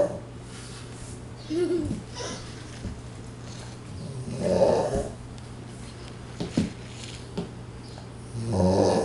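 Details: Male flat-coated retriever, about 6 years old, snoring in sleep: two or three rough, snorting breath sounds over steady room hum.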